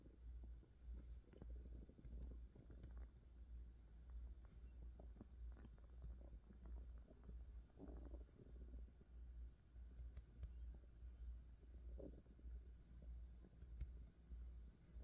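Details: Woman's belly: low gurgling and rumbling with scattered bubbly pops over a steady low hum; ordinary stomach growling (borborygmi), presented as hunger pains.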